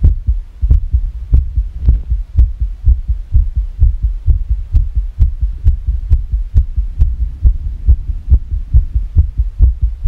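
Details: Fast irregular heartbeat, rapid low beats at roughly 130 per minute with uneven spacing; labeled as sick.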